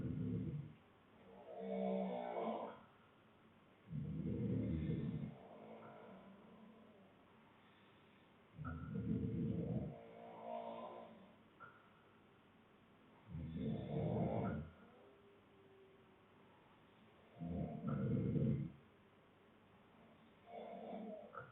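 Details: Adult man (boyfriend) asleep, with other snorers in the background; loud, rough snores on each breath, about 14 a minute, irregularly spaced, with softer sounds on the breath out; snoring.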